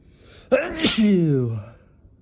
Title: Intense feather induced sneezes (nose blowing at the end)#sneezes #sneezing #noseblowing #sneezy